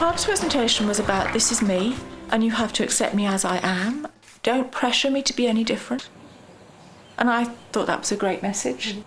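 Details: Adult woman speaking; ordinary speech.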